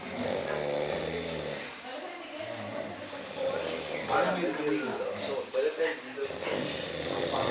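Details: Snoring during sleep: fluttering, rattly snoring breaths with some irregular snorts against steady room noise.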